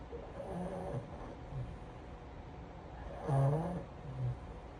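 Low, rough snoring breaths with snorty vibration, two louder cycles over about five seconds, typical of a short-nosed dog's noisy sleep breathing.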